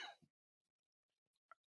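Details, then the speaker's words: Adult man coughing the day after tear gas exposure, unable to breathe deeply since the previous night: one short, harsh cough burst, then near silence with faint breath and mouth noises. "I'm still trying to work out through um, some of this tear gas. I haven't been able to have like a deep breath um, since late last night. And I do apologize, but I am having some coughing fits."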